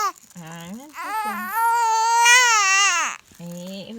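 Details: 7-week-old baby boy hungry and asking for milk, being soothed: fussing that rises into a sustained, clear, wailing infant cry.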